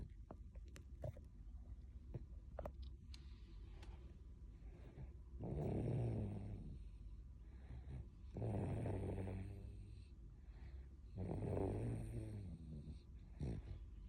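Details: Toddler snoring in sleep: three low, rattling snores about every three seconds, roughly 20 breaths a minute, over faint room noise.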